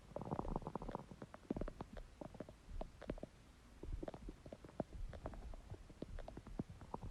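Bubbly gurgles, squeaks and rumbling from the belly, ordinary stomach growling of an empty stomach.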